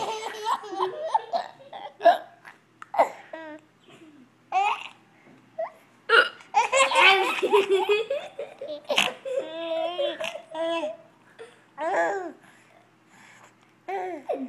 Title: Baby giggling at my hiccups